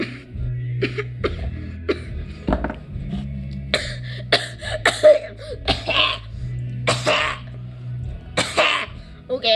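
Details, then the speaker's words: Repeated forceful coughs and throat clearing from an adult after eating a spicy teriyaki stick, with background music playing. "That was spicy, that made me cough hard."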